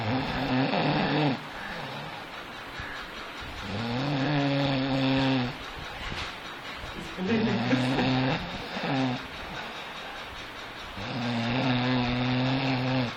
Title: DEEP SNORING